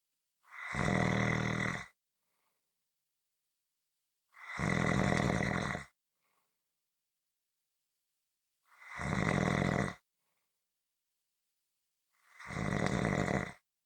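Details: From a 15-minute snoring recording: loud, harsh rattling snores on each in-breath, about four in 14 seconds (roughly 17 a minute), with silence between; typical heavy snoring.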